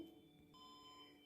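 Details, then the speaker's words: Brief steady electronic tone as 1 joule is selected on a defibrillator being demonstrated on a training dummy (normally 200 J for patients), before charging via the yellow button; defibrillator energy selection beep. "हम अब electric charge उसको set करेंगे जो कि हमने एक energy एक joule energy select कर लिया है"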